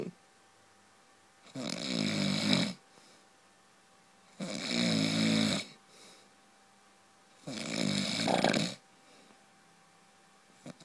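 Three loud, rattling snores on breathing in, about 16 a minute, with quiet gaps between them. Heavy snoring.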